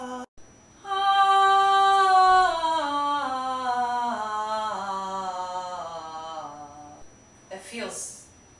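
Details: Adult woman with 2–3 years of voice loss after prolonged singing or loud, high-pitched speaking and difficulty in her lower register, vocalizing after manual therapy and neuromuscular re-education; descending pitch glide, low note reported near her normal.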